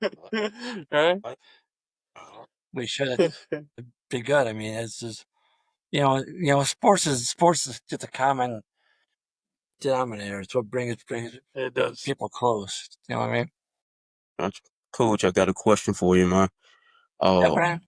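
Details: Adult male high school football coach who stutters; stuttering.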